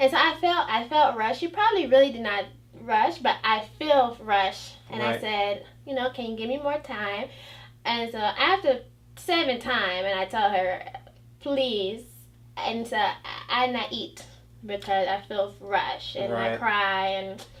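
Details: 29-year-old woman with aphasia and a 'phantom accent' after a stroke, initially dismissed as conversion disorder, with trouble pronouncing words and with receptive language; non-fluent aphasia with foreign accent syndrome.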